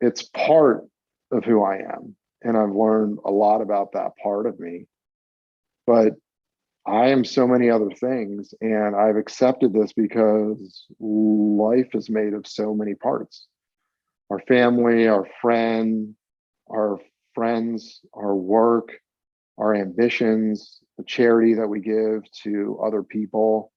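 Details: Stuttering in a 42-year-old adult male who has stuttered since about age eight, with speech therapy in school; formerly covert stutterer, now practising acceptance; real, not acted.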